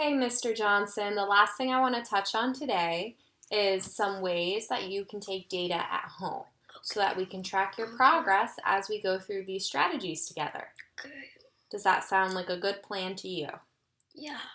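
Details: Adult woman speaking; Normal speech.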